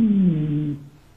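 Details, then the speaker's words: A brief, low musical whistling tone sliding slightly downward and fading: a wheeze, which may signal airway narrowing and possibly herald asthma, especially at night or toward morning. "Bu da daha çok böyle hava yolu darlığına bize habercisi olabilir. Özellikle bu sabaha karşı ya da gece oluyorsa astımın habercisi olabilir."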